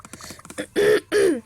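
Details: Child with a cold, coughing and sniffling while talking on a voice recording; short throat-clearing sounds, then two voiced cough-like bursts.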